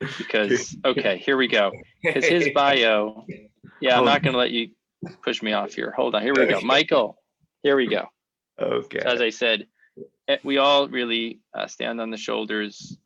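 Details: Adult male speaker; fluent speech.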